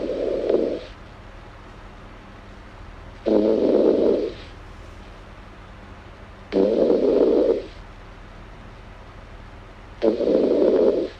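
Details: Snoring in a sleeping girl, ASMR recording: four rough, low vibrating snores about 3.5 seconds apart, each about a second long, with quiet room noise between.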